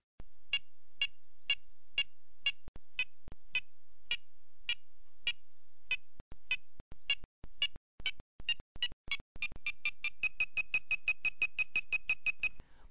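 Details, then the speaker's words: PediGuard handheld wireless probe during pedicle preparation for spinal screw placement: regular beeps grow higher and faster as the tip nears cortical bone and begins to breach; rising pitch and cadence warn of perforation. "pett guard gives a low pitch slow cadence as it nears cortical bone which is the first warning as it begins to breach the pitch and Cadence become higher and faster"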